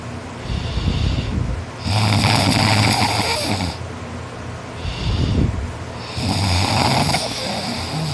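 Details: Boy asleep after a tiring day of extra-hard work, snoring non-stop; he notes he snores louder when tired. Loud, harsh, rasping, wood-sawing snores, about 14 breaths a minute, over steady background noise; snoring.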